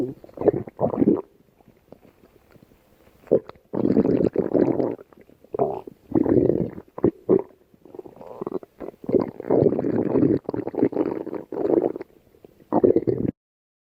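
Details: Irregular bursts of low gurgling and rumbling from an adult's stomach; stomach growling, ordinary bowel sounds (borborygmi).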